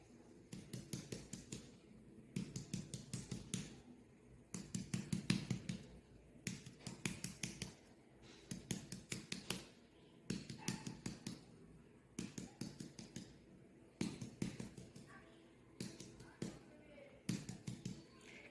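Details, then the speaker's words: Abdominal percussion on a supine female patient: index and middle fingers of the left hand on the abdomen are struck by the right hand, clockwise from the right upper quadrant. Repeated sharp taps give a hollow, drum-like note, a normal tympanic abdominal percussion note. "este caso escuchamos un ruido timpánico lo cual es normal pero también podríamos escuchar un"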